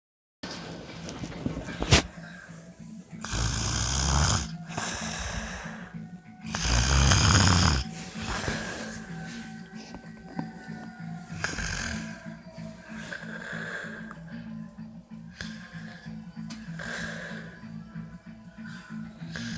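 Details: Snoring during sleep: two loud rattling snores followed by quieter snuffly breathing, with music playing in the background.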